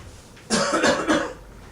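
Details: Chiropractor demonstrating deliberate coughing to show safe technique for protecting the low back: a short burst of two or three forceful voluntary coughs.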